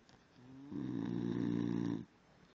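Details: A sleeping Basenji dog snoring very loudly: one long, rough, buzzing, vibrating breath that builds up, then stops abruptly.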